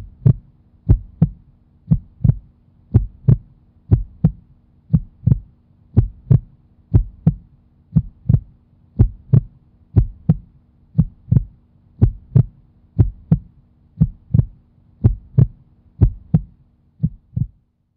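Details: Heartbeat heard through a stethoscope: steady paired lub-dub sounds at about 60 beats a minute, a regular, normal-sounding rhythm.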